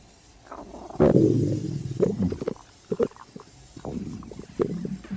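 Low gurgling, rumbling abdominal sounds in bursts with brief pauses; ordinary hunger stomach growling.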